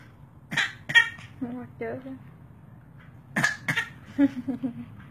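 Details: Four sharp, explosive bursts in two pairs, each followed by brief voiced sounds; repeated sneezing from a 3-month-old infant.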